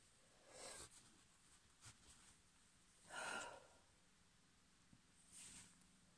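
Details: Female with hay fever, sneezes partly induced: three soft, breathy sneezes with a nasal snort between them, in a quiet room.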